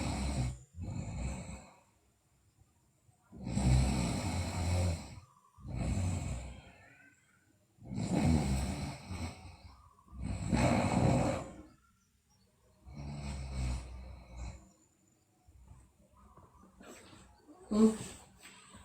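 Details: Sleeping girl snoring, with rough, rattling snores about every two and a half seconds and quieter breaths between; recording also features bruxism and delirious sleep talk.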